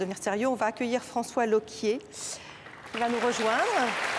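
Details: Adult woman presenter; unaffected speech.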